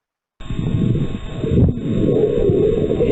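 Harsh, hollow rushing airflow, louder and sustained through the second phase of the breath, with a faint steady electronic tone behind it: simulated bronchial breath sounds over consolidated lung.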